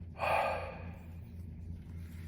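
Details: A patient whose nose has been broken several times, during endonasal cranial adjusting chiropractic treatment for nasal blockage, takes one sharp, voiced gasping breath in, then quieter breathing against a low room hum.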